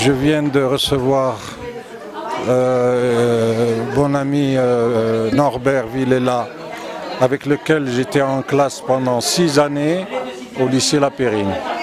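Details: Adult man speaking French; normal voice.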